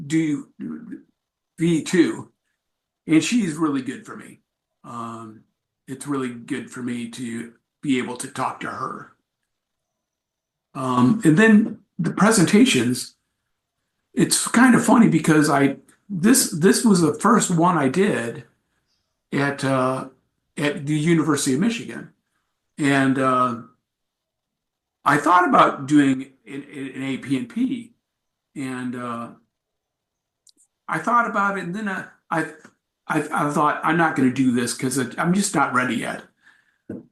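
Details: Adult man with aphasia acquired after a traumatic brain injury from a bike accident without a helmet, followed by about a month in a coma; about four and a half years post injury, presenting at an aphasia support group.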